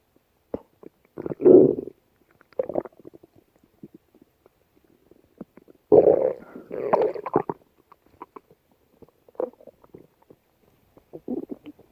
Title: stomach growling